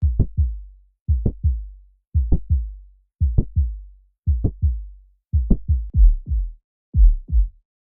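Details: Heart sounds with the distinctive mid-systolic click and murmur of mitral valve prolapse, where the mitral leaflets bulge back into the atrium.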